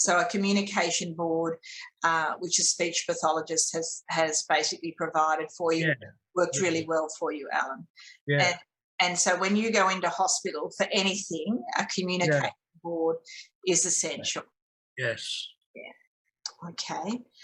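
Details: Adult woman speaking, with brief replies from a second adult; normal speech.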